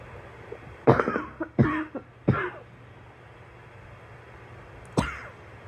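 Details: A girl coughing: four coughs, three quick ones close together, a pause, then one more, with a steady background hum.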